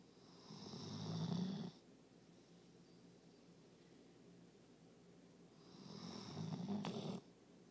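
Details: Slow, rough snores about five seconds apart (roughly 11 a minute), growing louder then stopping abruptly, from a dog exhausted after a day of obedience competition.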